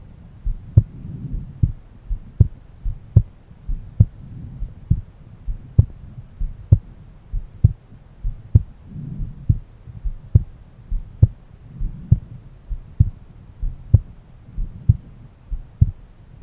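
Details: Own adult heart auscultated with a stethoscope at different valve areas: a regular heartbeat at about 65 to 70 beats a minute with crisp paired heart sounds.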